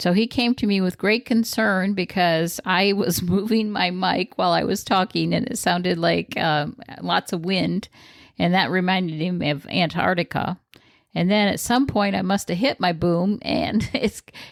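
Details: Adult woman speaking; typical speech.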